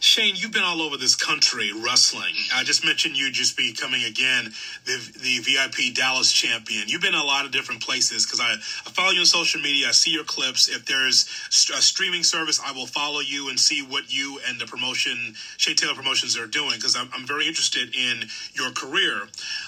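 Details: Adult male speaker; typical speech.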